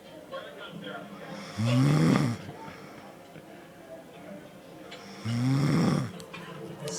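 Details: Person recorded snoring during sleep: two low, rumbling snores a few seconds apart on breathing in, with faint room noise between, ordinary snoring.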